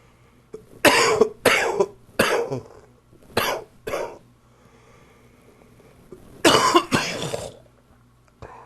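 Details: About seven loud, harsh adult coughs in two clusters, from a chest cold.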